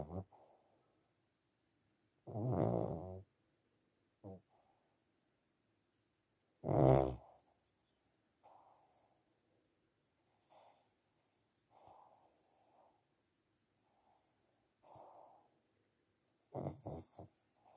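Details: Snoring in a sleeping pug: loud snorting snores coming irregularly, about 14 a minute, with quieter snuffles between.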